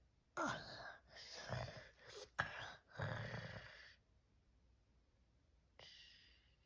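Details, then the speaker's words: Home video of a sleeping young boy with obstructive sleep apnea: silent efforts with no airflow, chest retractions and paradoxical respiration, then loud gasps, snorts and snoring, breaking into silence before another strained breath. "And then you'll hear him gasp. You'll be able to see his chest retract. You'll hear him snort and snore."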